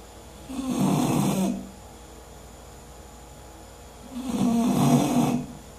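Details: English bulldog snoring while asleep.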